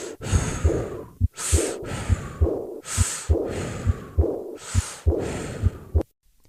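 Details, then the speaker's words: Aortic regurgitation murmur whose pitch resembles respiratory sounds, easily overlooked during breathing and much easier to hear with the patient in held expiration; this clip is recorded during breathing. "This murmur has a pitch similar to respiratory sounds and can be overlooked unless the clinician listens to the patient in held expiration."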